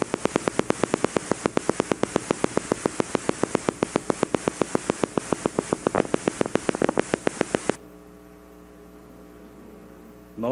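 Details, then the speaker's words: Voluntary motor unit potentials on needle EMG: rapid, nearly regular popping clicks with slightly varying gaps, then a steady electrical hum. "vowel you don't have to know what the patient's doing that's a that's a voluntary motor unit potential"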